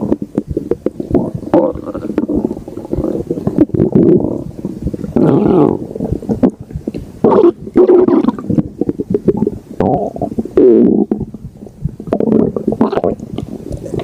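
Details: Loud gurgling, rumbling bowel sounds in irregular bursts with squelching gas movement; ordinary stomach growling (borborygmi).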